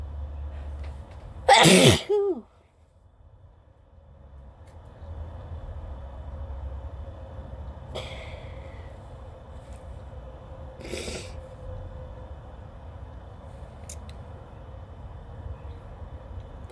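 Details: Single loud, sudden sneeze followed by quiet room noise; natural allergic sneeze in late spring from pollen (grass, tree cotton, blooming vegetation), nose irritated, no sneezing powder used.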